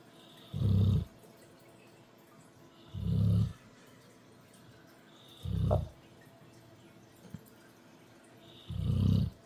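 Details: Four low, rumbling snores at about 22 a minute with quiet gaps, from a dog snoring with his eyes open, fairly quiet; dog snoring.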